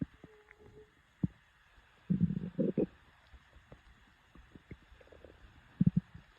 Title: Stomach growl. Feed Me Now!